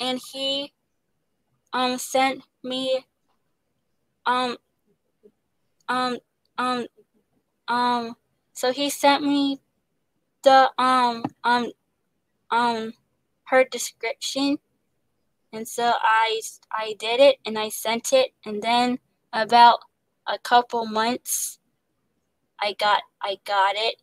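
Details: Young woman actress who stutters, describing pauses, switching words and restarting, and receiving speech therapy; stuttering.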